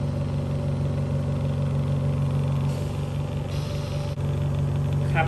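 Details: Steady low mechanical hum: a Konsung KSOC-10 10-litre oxygen concentrator (up to 10 L/min, 93±3% oxygen) running normally while its flow is adjusted.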